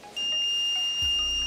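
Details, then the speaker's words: Vyaire LTV 1200 ventilator being shut down by holding the power button three to five seconds: a steady, high, piercing continuous electronic alarm tone sounds. "turning it off safety purposes you can't press once and it won't shut off you have to hold the button down three to five seconds for it to shut off"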